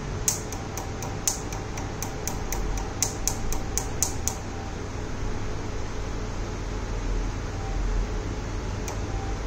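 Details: Tattoo removal laser firing in a skin clinic: a run of quick sharp pulse clicks, about three a second, then one more, over steady humming room noise.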